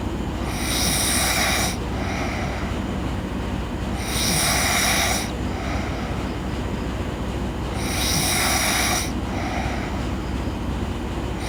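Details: Girl snoring in sleep: soft, rhythmic breathy snores about every four seconds, roughly 15 breaths a minute, over steady background hum.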